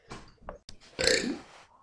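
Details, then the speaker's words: Children deliberately burping the ABCs as a game: several voluntary burps of varying length, the last one long and loud. "okay so my cousins they're going to do the um ABCs but burping it's going to be and um but"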